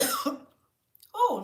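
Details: Coughing fit after eating and talking at the same time: harsh cough burst, a pause, then a second throaty cough.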